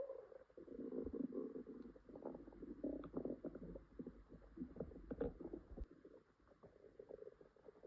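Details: Low gurgling, rumbling sounds with bubbling pops over several seconds from a girl's upset stomach with stomachache and diarrhea: active borborygmi, stomach growling.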